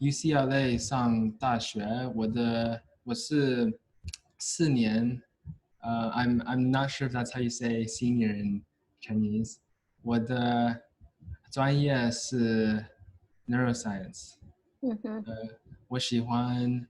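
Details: Male US-born university senior of Chinese family who has stuttered since about age five or six, with blocks and getting stuck on sounds; his biological father and maternal grandfather also stutter; stuttering.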